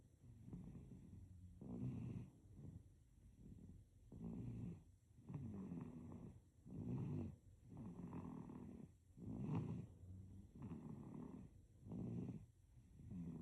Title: Baby snoring #snoring #babysnoring #baby #snor